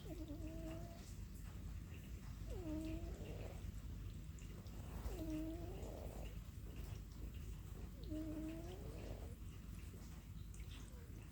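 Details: Sleeping black indoor cat snoring.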